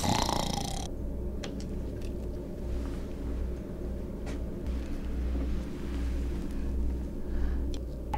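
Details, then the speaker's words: Awake adult male physician, a self-reported snorer whose doctor suspected sleep apnea, asked to snore during electrode setup for a sleep-lab study: low, rumbling, throaty imitated snore made on request. "Here, make a little snore for me."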